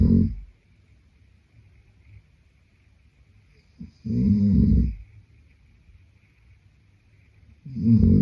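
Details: Adult man snoring in sleep: deep, rattling snores on each breath in, about every four seconds, with quiet between them.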